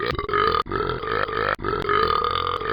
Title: Burping ￼